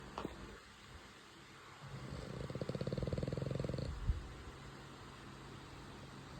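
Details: Sleeping French bulldog puppy snoring: one soft, fluttering, low rumbling snore lasting about two seconds.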